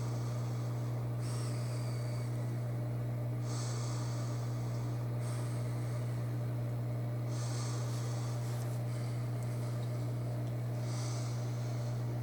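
Steady machine hum with airy hissing bursts at irregular intervals as breaths pass through a nasal pillow mask: CPAP running.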